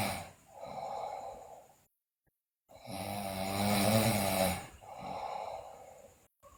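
Loud rattling snore on the in-breath between softer breaths, roughly two breath cycles; snoring in a sleeping child.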